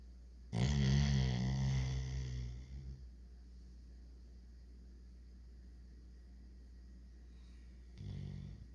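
A loud, low, rattling snore lasts about two seconds, followed by quiet, then the start of another snore.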